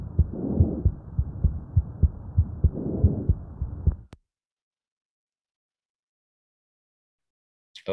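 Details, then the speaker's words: In a Spanish teaching demonstration, soft low rustling swells with each breath over steady heart thumps, then silence: normal vesicular breath sounds. "ahora escuchen el tronco vesicular"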